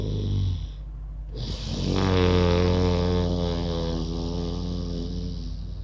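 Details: Deliberate imitated snoring done as a yoga breathing exercise with the tongue folded: a snore-like rasping breath made through the nose on both inhaling and exhaling, felt at the back of the throat.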